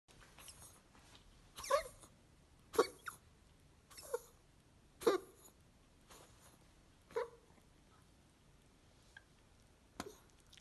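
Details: A dog gives about six short, harsh coughs at irregular intervals; cardiac cough in a dog.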